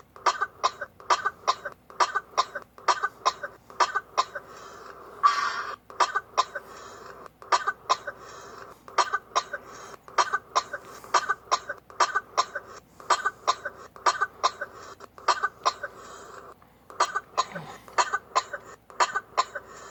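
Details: Coughing: a rapid run of short, sharp, dry coughs, often in pairs, continuing throughout.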